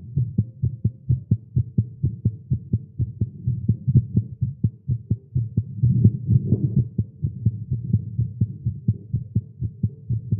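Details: Male heartbeat after exercise and caffeine: strong low thumping at about 128 beats a minute with somewhat uneven spacing; fast heartbeat (tachycardia), tagged as irregular.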